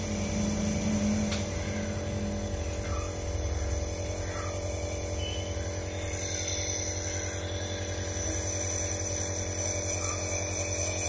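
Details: Dr Trust 401 compressor nebulizer demonstrated running with plain water, airflow adjustable: steady mechanical hum and buzz with a faint hiss of airflow, normal device operating noise.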